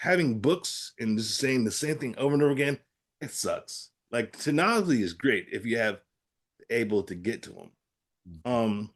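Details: Adult man with aphasia after a stroke; aphasia.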